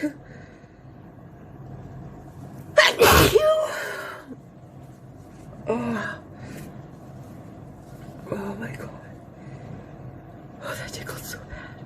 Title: A Taste of Closeup Q-tip/Chhinkni Sneezing